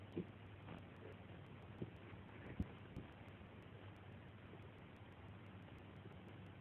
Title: Madison Has Puppy Hiccups